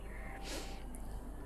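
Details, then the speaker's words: A single soft, airy snort-like breath from a sleeping cat over a low room hum; cat snoring. "kalau kamu dengar bunyi ngorok ya kucing Aku tidur ya"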